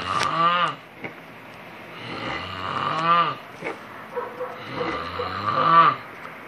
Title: Boyfriend vs Snoring